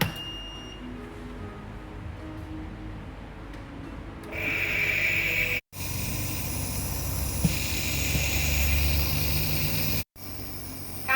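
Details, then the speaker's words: Yuwell 7F-5W 5 L/min oxygen concentrator running its nebulizer port, medication placed in the cup and the line attached, about 30 minutes of nebulizing; steady machine hum and hiss after switch-on with a high airflow tone. "ช่องตรงนี้ใช้ไว้พ่นยาแล้ววิธีการต่อใช้งานล่ะครับวิธีการใช้นำยาใส่ในกระเปาะแล้วก็ปิดฝานำสายมาต่อไลายจุกเสียบสายเปิด"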